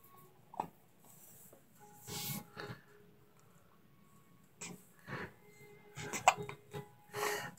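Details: 8-day-old newborn with hiccups: several short, soft catching sounds at uneven intervals, with quiet music and adult voices behind.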